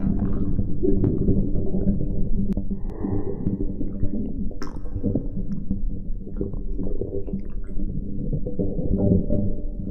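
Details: Stomach growling (borborygmi).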